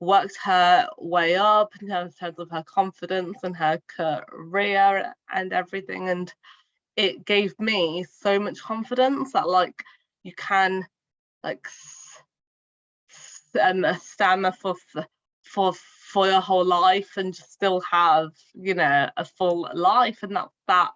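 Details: Adult woman who stammers, speaking in a podcast interview; finding: stuttering.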